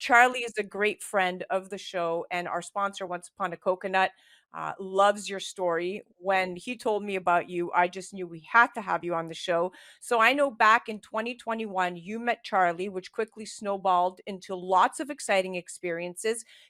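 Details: Adult woman speaking; normal speech.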